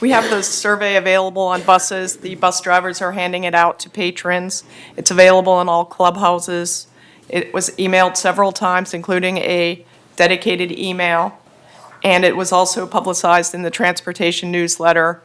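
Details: Adult speaker; plain speech.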